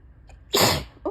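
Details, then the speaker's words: On a bad allergy day, sneezing on and off all day: one loud, forceful sneeze after a short catch of breath following a tickly buildup; allergic sneeze. "Oh, whoa, that was big. Today has been a crazy allergy day."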